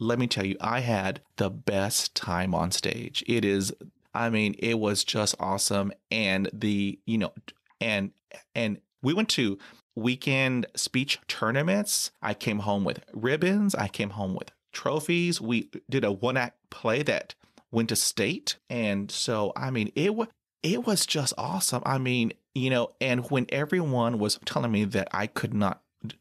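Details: 39-year-old man who has stuttered as long as he remembers, with speech therapy through elementary school until discharge after 7th grade; he has blocks and uses word repetition to get past them, with audible repetitions; stuttering.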